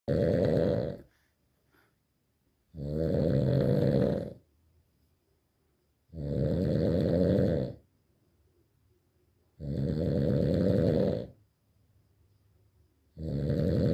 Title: Bu Horlama İle Nasıl Uyunur?🤣🤣🤣//Come and Sleep With This Snoring🤣🤣🤣